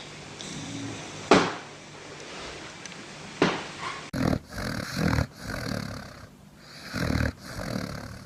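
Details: Sleeping dogs snoring: several throaty, rattling breaths and two sharp bursts in a small room; snoring.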